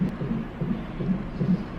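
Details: Fast, regular muffled pulsing on a fetal monitor at 26 weeks in a high-risk pregnancy with a shortened cervix and slight contractions, roughly 140–150 a minute, within the normal fetal range.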